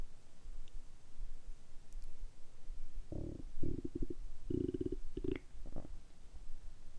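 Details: Bowel sounds in an adult after a light 12–13 hour fast since dinner, stomach quite empty, before drinking sparkling water: low gurgling, bubbling rumbles in short bursts.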